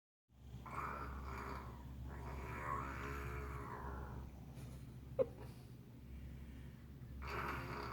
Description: Snoring and sounds like cat. Too funny